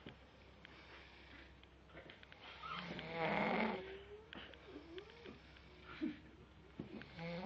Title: WHAT A SNORE